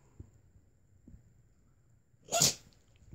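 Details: A single sharp, hissing sneeze burst from a dog in a quiet room, one of three sneezes in a row; sneezing.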